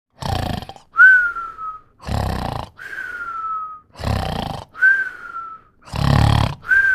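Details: Snoring with whistling: rhythmic rough snores, each followed by a thin whistling breath out, about four cycles.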